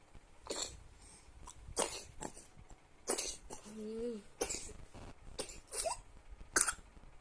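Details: 12-month-old child with a cold (cough and runny nose): repeated short, sharp cough bursts spread through the clip, with a brief voiced sound between them, in a small indoor room.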